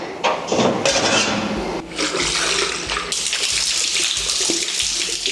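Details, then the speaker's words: Splashing, spraying water rinses packed feed from a horse's mouth during a dental exam. The horse has dental caries of the first right incisor and feed packed around it. "You want it rinsed? Yeah, we can rinse it, but you can see this side really well."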